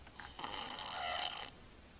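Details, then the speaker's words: Snoring in a sleeping boy no more than 2 years old with obstructive sleep apnea, breathing through his mouth rather than his nose and not congested, with breath-holding pauses and shaking as he partly wakes himself. "you can hear him snoring he's breathing through his mouth not through his nose and he's not congested"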